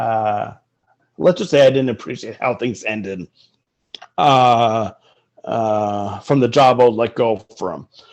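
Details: Stuttering in an adult man speaking in an interview.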